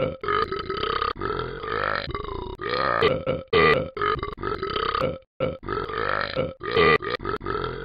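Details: Simulated cartoon sound effect of the character Tom burping: a long run of loud, drawn-out burps with brief gaps between them.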